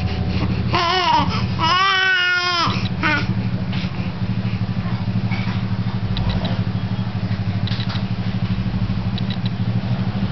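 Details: Baby's brief cry, a few wailing bursts over steady engine hum in a vehicle, then only vehicle noise.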